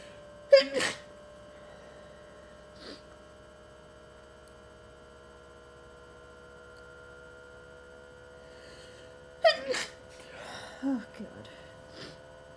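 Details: Sneezing during the tail end of a long allergy attack of unknown trigger: two sharp sneezes several seconds apart, each followed by a brief breath.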